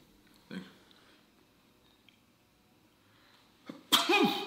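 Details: A soft breath, a short catch, then one loud, explosive human sneeze in a quiet room.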